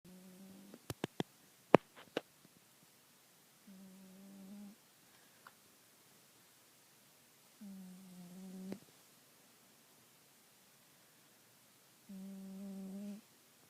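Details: A sleeping cat snores in steady, buzzing breaths, about fifteen a minute, with quiet pauses between.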